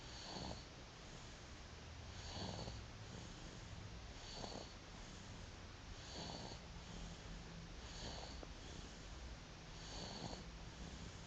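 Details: Soft, regular rattly breathing sounds about every two seconds, roughly 30 a minute, over room noise; light snoring in a sleeping infant.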